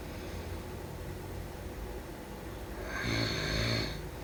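A low, rattling breath builds into a louder rough snore over noisy room background, typical of snoring during sleep.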